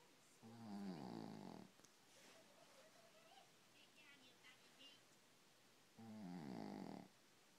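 Two low, buzzing snores about five seconds apart with quiet room sound between; ordinary sleep snoring.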